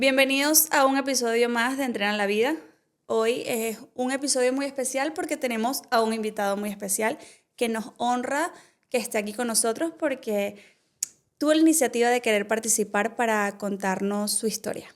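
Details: Adult speaker; Normal speech.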